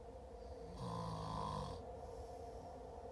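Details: Brother snoring in sleep: a single low, buzzing snore of about one second over steady room hum.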